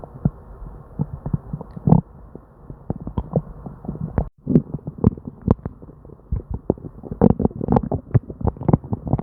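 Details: Almost constant gurgling and popping from the belly of a person with diarrhea, barely pausing; hyperactive bowel sounds.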